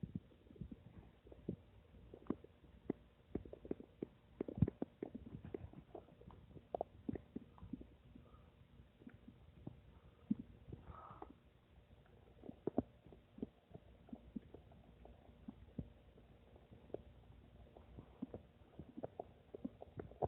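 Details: Scattered gurgles and clicks with soft rumbles from the speaker's own belly: ordinary stomach and bowel sounds, borborygmi.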